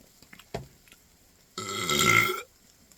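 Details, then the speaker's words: Person burping after chugging a Coke while trying not to burp: a brief click, then one loud, drawn-out belch lasting just under a second; burping. "there's one there's the second there's third I need to turn on the fan I don't think I can oh my God yeah no I can't let me know down below if you can"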